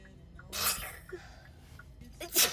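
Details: Two sharp, hissing sneeze bursts about two seconds apart, with faint room noise between; sneezing in a sneeze compilation.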